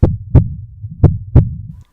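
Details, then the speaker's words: Deep, regular lub-dub heartbeat sound effect in a children's Peppa Pig audiobook, as Dr. Polar Bear listens to Peppa's heart with a stethoscope. "Now, it's time to use a stethoscope to listen to your heart, Said Dr. Polar Bear."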